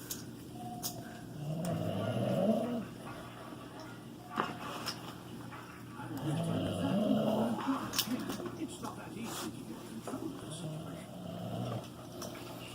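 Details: Dog snoring while asleep in her food bowl: soft, rumbling snorts recurring every few seconds, about 14 a minute, over quiet room noise.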